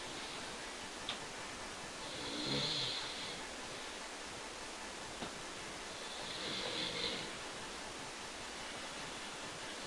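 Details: Two slow, breathy snores about every four seconds over room hiss, from a friend who passed out asleep; snoring.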